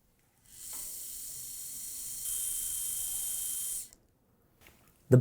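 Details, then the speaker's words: Steady hissing whir of a round surgical drill running about three seconds, pitch rising midway, then stopping, starting the bone site for a late single dental implant after flap elevation; dental round drill. "here you see the bone we start again with a round drill"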